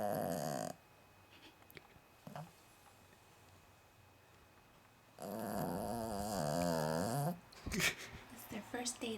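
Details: Female Cavalier King Charles Spaniel, about 9 months old, asleep and tired after coming inside: loud, rough, vibrating snores separated by quiet pauses; ordinary snoring.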